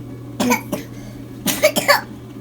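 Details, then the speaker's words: Infant girl in hospital with life-threatening pneumonia, on IV antibiotics and fluids, coughing a lot: two pairs of short, harsh coughs in a quiet room; cough. "She's like that, just coughing a lot."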